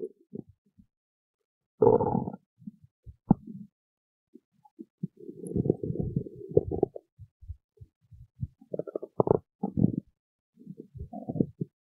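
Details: Stomach growling (borborygmi): irregular low gurgling and rumbling bursts with quiet gaps between them.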